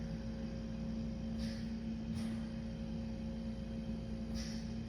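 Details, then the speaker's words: Steady machine hum with a periodic soft hiss about every second from a home oxygen concentrator across the room, used by an adult recovering from gastric bypass who has epilepsy and is awaiting a sleep study; oxygen concentrator noise. "that noise is the oxygen machine across the room."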